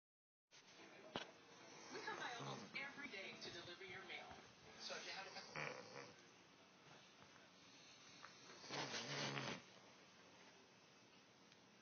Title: Wife snoring